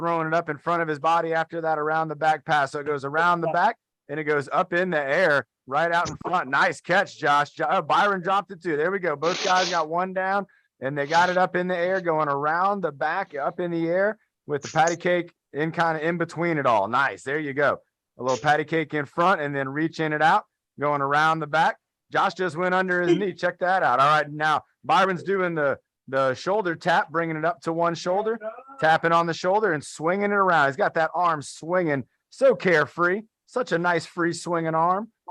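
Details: Adult male speaker; typical speech.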